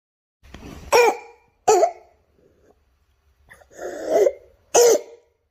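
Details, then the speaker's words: Child with croup (acute laryngitis, upper airway infection) giving three sharp, hoarse, seal-like barking coughs with harsh noisy breathing between, shown as a croup example in a lecture on laryngitis in children. "it's also known as qu cop sorry it's infection of the upper Airway The Voice will become the RO and we will have a heart breathing so let's hear the parking"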